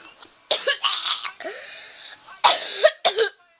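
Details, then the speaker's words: A child coughs four times in a rough run with a drawn-out noisy breath between coughs, saying the coughing feels like dying; cough. "i'm coughing so much it feels like oh my gosh but by my god"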